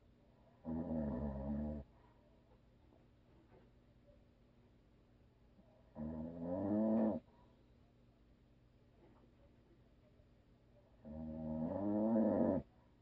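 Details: Three long, loud, rattling snores about every five seconds, roughly 11 a minute, with quiet pauses between, from a sleeping husband who habitually snores; audio only.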